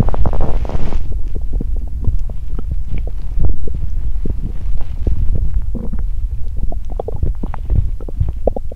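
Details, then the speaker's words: Continuous loud low gurgling and rumbling with bubbling pops from a very active empty stomach after exercising while hungry; borborygmi. "Tôi đói vì tôi tập thể dục khi bụng đói 😫 " Tôi không dừng lại!". Bụng tôi muốn ăn sớm 😂"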